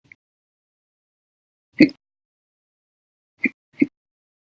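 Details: Hiccup episode recorded after breakfast, on a day when hiccups lasted 12 hours 30 minutes after lunch and after a cup of soda at dinner: three short, abrupt gulping hiccups, two close together near the end.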